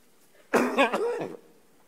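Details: Adult man coughing for about 10 seconds while giving a speech in a quiet parliamentary hall: a short run of harsh, wet-sounding coughs.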